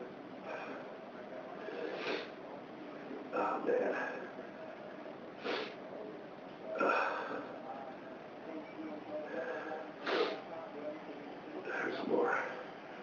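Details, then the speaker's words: Adult having a repeated sneezing bout from dust allergy, set off by dust from housework cleaning: several sharp sneeze bursts with snorting breaths between them, in a quiet room. "There's dust all over the place. Dust. Really makes me. Yeah. Makes me sneeze."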